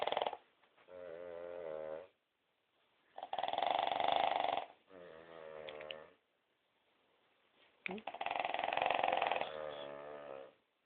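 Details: Two Cavalier King Charles Spaniels, a grandmother and granddaughter, snoring: alternating loud rasping snores and softer droning, whistly breaths with brief silent gaps between breaths.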